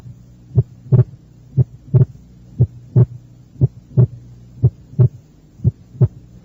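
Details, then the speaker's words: Teaching recording, second left intercostal space: regular heartbeat near 60 a minute, second sound single at times and splitting with inspiration, normal physiological splitting of S2. "ejemplo ilustra el desdoblamiento normal del segundo ruido cardíaco el ruido es único durante la inspiración y desdoblado en la inspiración"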